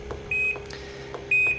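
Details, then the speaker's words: Two short electronic beeps over a soft machine hum as the speaker button is pressed to raise the alarm volume on an Inogen One G5 portable oxygen concentrator, flow set at 1. "that's going to increase the volume of that alarm"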